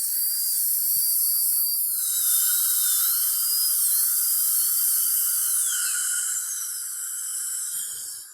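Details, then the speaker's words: Continuous high-pitched whine of a high-speed dental drill, pitch dipping under load, as a fluted bur finishes bonded Lumineers veneers and removes excess bonding agent before lingual polishing in a young woman. "I take a 12-lead burr here I like to use a fluted burrs"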